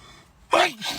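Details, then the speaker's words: Person with hay fever after about six sneezes in a row: a quick intake then a loud voiced burst with falling pitch, one sneeze in a run of repeated sneezes. "Well, I've just sneezed about six times in a row. This is about to be seven."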